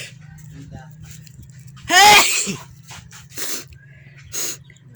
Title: big tickle sneezes Philippines, please like and SUBSCRIBE thank you 😊